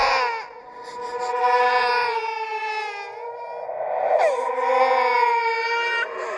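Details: Horror sound-effect recording, not a real patient, of a ghost baby crying and laughing: continuous high-pitched wailing with wavering pitch and brief catches; infant cry.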